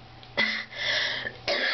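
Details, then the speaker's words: Sick adult, voice deepened by illness, says the cough is severe enough to head to the ER today; a short run of about three harsh, forceful, throaty coughs in quick succession; cough. "sorry I'm gonna be heading to the ER today that cough is like kicking my ass doc to y'all later peace"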